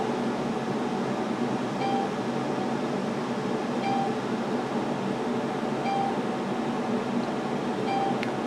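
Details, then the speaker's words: Icon fractional laser treating stretch marks (striae distensae) on a patient, set to pulse automatically via foot pedal: steady machine hum with a brief repeating tone. "I've got this machine set to uh automatically pulse I guess it's every half second or so"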